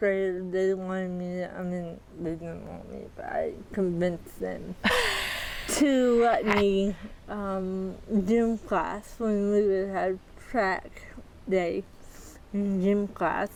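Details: 40-year-old woman with athetoid (dyskinetic) cerebral palsy, quadriplegia, GMFCS level 3/4, moderate to severe physical involvement, uses a walker and power wheelchair; speech may be hard to understand; dysarthria (dyskinetic cerebral palsy).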